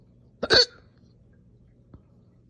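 One forceful, abrupt hiccup merging into a burp, then a faint click; an aggressive hiccup-belch.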